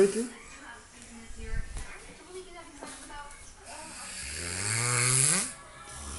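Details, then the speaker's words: Man who has been snoring for an hour straight, described as snoring like a pig: one long, loud, snorting snore building toward the end, with murmured talk nearby. "Yo, the funny thing is, this guy's been doing this for the past hour straight of snoring."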